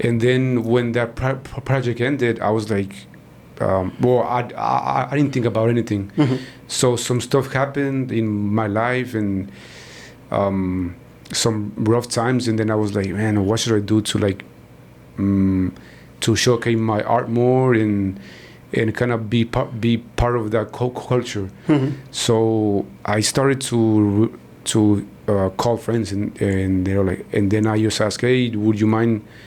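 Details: Stuttering in a man in his 40s, born in Mexico and living in Texas; he noticed it around age five or six, his father also stutters, and he believes it runs in the family.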